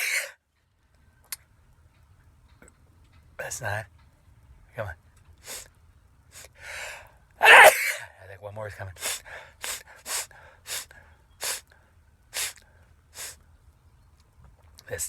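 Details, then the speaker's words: A run of repeated sneezes, around the 10th to 12th in a row, with loud inward gasps between them, one especially forceful, followed by quick panting breaths. "broke a record on it so 10 porn oh boy that was good okay so that's uh 11 I think I have one more coming dude that's 12"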